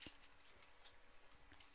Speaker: my cat's sneezing oh bless it I was like what is that noise oh it's it's my cat